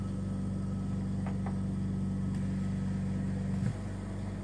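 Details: Invacare Perfecto oxygen concentrator with about 26,500 hours of use, switched on with adjustable flow before a teardown: steady low humming compressor drone with a few faint clicks.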